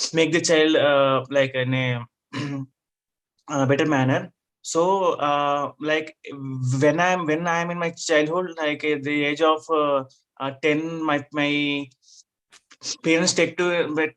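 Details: Adult man with stuttering (stammering) since childhood; he had therapy in 2010 and still wants to overcome it.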